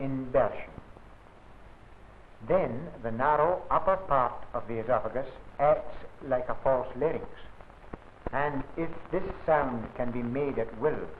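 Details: Adult male narrator; ordinary speech.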